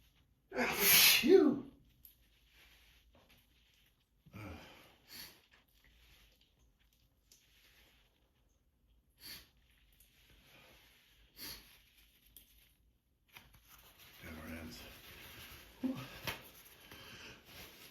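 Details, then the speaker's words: Adult with seasonal allergies sneezing repeatedly on waking: one loud sneeze followed by softer sneezes and sniffs, tired, worn-out allergic sneezing that won't let up. "Yeah, they just don't let up. They just don't let up. As soon as I wake up, they just start up again."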